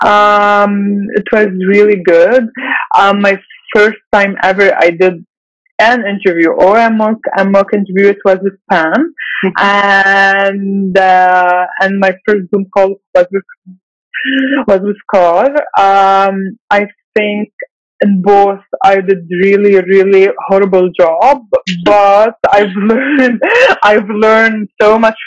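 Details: Webinar host, a person who stutters, speaking in a stuttering-association webinar with part-word and word repetitions and fillers; stuttering.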